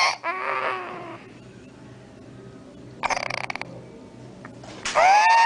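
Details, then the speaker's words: Infant with bilateral vocal cord paralysis: acute, high-pitched, musical inspiratory stridor (crowing on breathing in), characteristic of bilateral cord paralysis. "Ese estridor inspiratorio agudo es característico de la parálisis cordal bilateral, y así se ve."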